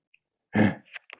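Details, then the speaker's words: Imitated weak cough in laryngeal (vocal fold) paralysis: a soft, gradual onset with a slow rise to peak airflow instead of a sharp glottal closure, so the cough is less effective. "On sent bien que la toux est moins efficace."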